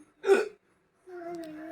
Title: Most Requested / Hiccups video Part-2 / #hiccups